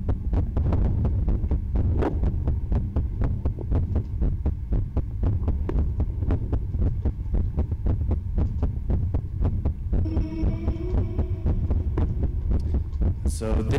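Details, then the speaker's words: Heartbeat monitored on a soldier in Afghanistan in 2009 during combat; fast regular low thumping near 118 beats a minute, quickened by combat stress, musical tone near the end. "that's monitored on a soldier in Afghanistan in 2009 it's an indicator of how his body responds to combat"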